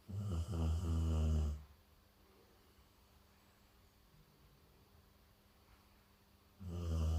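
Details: Golden retriever dog snoring while asleep: loud, deep, rattling snores separated by a long quiet pause of about five seconds.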